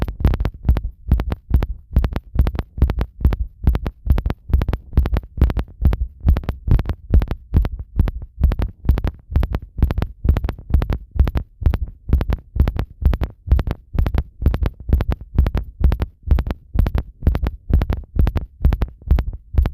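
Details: Heart sounds recorded with a device pressed on the chest after bathing: steady, regular low thumping heartbeats; ordinary heart sounds.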